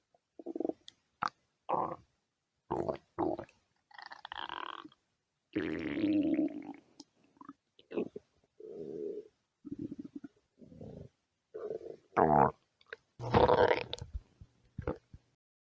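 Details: Stomach growling (borborygmi): irregular gurgling and rumbling bursts from the belly as gas and fluid move through the gut.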